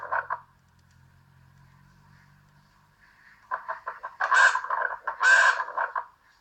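Squeaky, honking musical noises over breath sounds of a toddler's chest, wheezing from narrowed airways in obstructive bronchitis.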